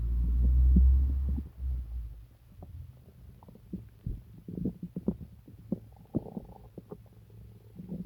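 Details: Active stomach rumbling (borborygmi) during an upset stomach with several days of pain, diarrhea and nausea: deep, irregular gurgles and low growls, loud at first and then scattered.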